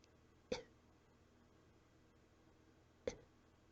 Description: Coughing soft and weak, a little out of breath